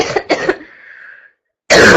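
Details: Girl coughing repeatedly: two short dry coughs with a brief fading throat sound, then a loud throat clear.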